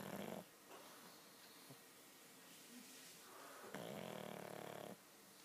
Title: Snoring Pugs